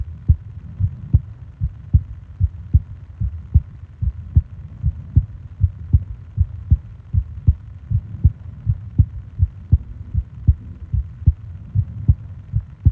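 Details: Japanese sleep ASMR recording of heartbeat and breathing sounds, 20 minutes long: steady low thumping heartbeat at about 78 a minute over a soft hum, regular rhythm.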